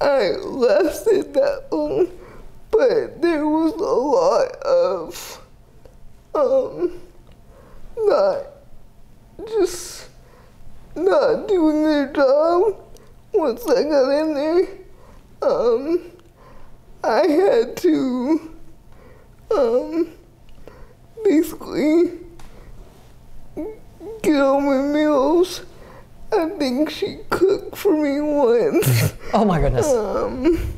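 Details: 30-year-old woman with GMFCS Level 4 cerebral palsy, quadriplegia with an athetoid component, affecting the speech muscles so her speech may be unclear; dysarthria (cerebral palsy).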